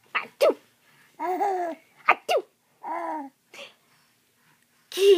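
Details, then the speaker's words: Mother sneezing repeatedly while her diapered baby laughs: several short, sharp adult sneezes alternating with the baby's bright bursts of laughter. "hey oh no I'm gonna sneeze oh no I'm gonna sneeze"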